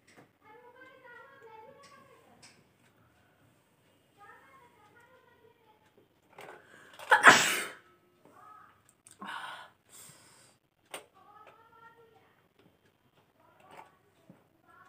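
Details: A sneeze induced during a nose-sneezing challenge with newspaper: quiet talk, then a loud explosive sneeze with a sharp burst of air, followed by softer sniffs and throat sounds.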